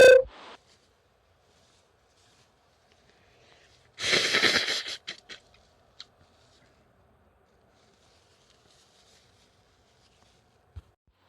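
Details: A sharp sneeze, then a longer burst of forceful nasal blowing with a few smaller sniffs and puffs; part of a short medley of sneezes and nose blows.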